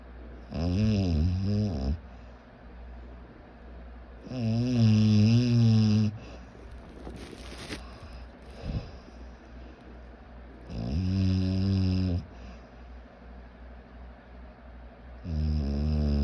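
Loud, rattling, buzzing snores on each inward breath, roughly 10 a minute, with quiet breathing between them.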